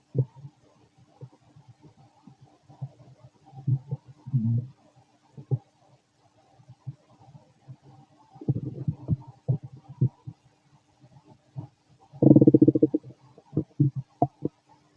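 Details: Fit male, stomach growling while digesting: low gurgling rumbles and bubbling pops coming and going irregularly, with a few louder bursts; very loud borborygmi.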